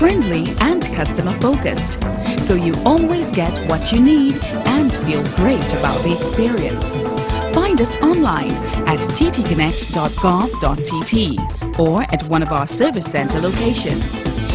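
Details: Adult announcer; typical speech.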